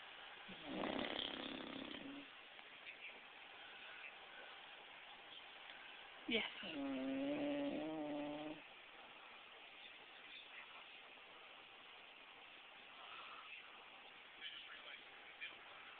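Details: Bulldog sleeping on a couch: two rough, fluttering snorts of a few seconds each, the second with a buzzing tonal edge, then quiet; snoring.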